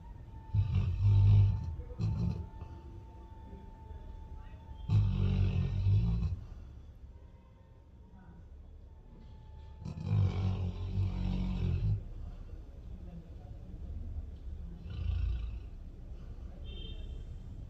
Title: Hearing is not clear but rocky is snoring 😴 😅🤣🤣🤣 #funny #rockythelab